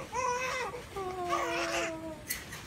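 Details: Thin, wavering cries in short bursts with steady pitch from a newborn baby boy just after a midwife-assisted vaginal delivery; a normal newborn cry.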